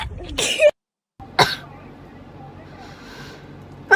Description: Tik Tok Girls taking Covid 19 재채기 swab test and unexpectedly start to sneeze uncontrollably.